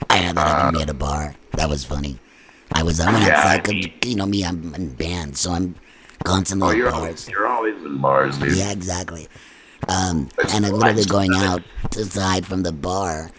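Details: Adult man after laryngectomy speaking with a neck-placed electrolarynx, needing to search for the sweet spot due to ongoing lymphedema; electrolarynx speech.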